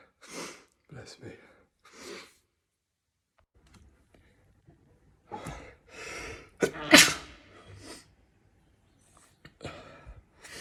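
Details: Series of separate ordinary sneezes, several soft and one loud explosive burst, each with a short inhaled lead-in; compilation of sneezes recorded over days, months and years.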